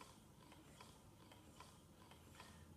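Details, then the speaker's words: Hygeia EnDeare multi-user electric breast pump during a demonstration, with adjustable pressure and speed: quiet, regular mechanical clicks about every half second over a low motor hum as it cycles suction. "So we just turn it on, mom can take the actual pump and start pumping, and then adjust pressure here, and then the speed, and make it slower or faster."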